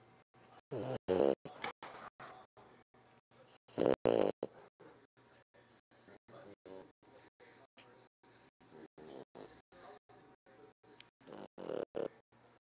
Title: French Bulldog snoring